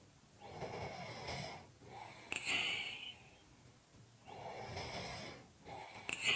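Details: Heavy, rasping snores with a breathy whistling edge, alternating with noisy out-breaths, about two full breath cycles; heavy breathing and snoring.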